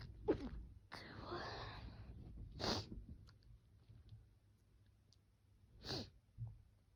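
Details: Repeated sharp sneezes with sniffles and a noisy breath between them, in a quiet room; sneezing.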